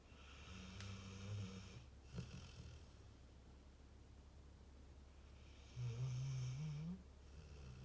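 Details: Sleeping pit bull: low rattling snores with soft snorts on the breaths, over steady room hum; snoring.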